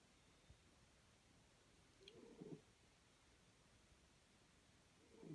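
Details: Sleeping cat snoring gently: two soft, low rasping breaths about three seconds apart in a very quiet room.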